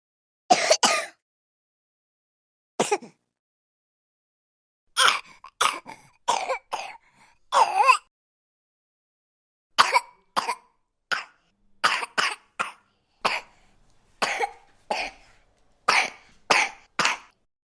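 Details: Sound effect of a baby giving about twenty short, sharp coughs, some paired, separated by quiet pauses; infant cough.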